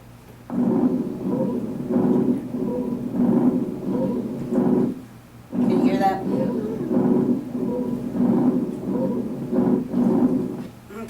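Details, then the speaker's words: Simulated lung sounds from a teaching manikin, stethoscope placed at a specific chest spot: continuous musical, whistling tone through repeated breaths; wheeze. "okay so this is another wheeze see you got to get it just in the right spot here"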